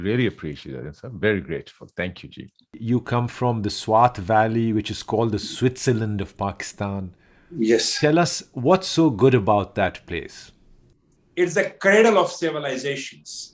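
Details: Adult men in conversation; ordinary speech.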